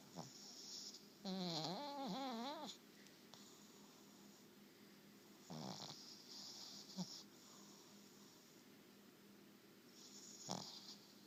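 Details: Napping dog snoring: soft snorting breaths and a brief whine-like squeak.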